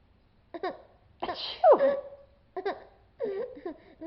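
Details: Young child's voiced sneeze ending in a high, drawn-out squeal, with short vocal sounds around it.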